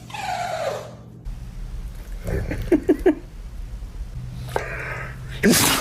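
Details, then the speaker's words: Dog sneezing: a few short, sharp snorting bursts, then a sudden louder burst near the end, with room noise; sneezing. "Oh my goodness, what a big sneeze. Poor little buddy."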